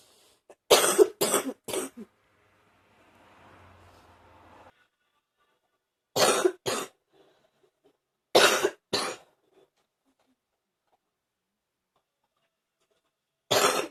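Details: Repeated bursts of wet, loose coughing in short runs, coughing up morning phlegm; productive cough.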